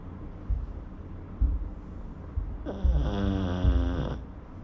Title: Pug snoring